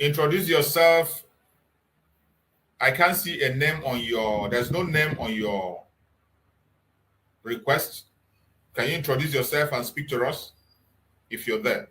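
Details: Adult male speaker; normal voice.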